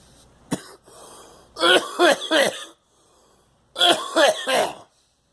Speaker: Yeah. Swallowed the coffee wrong.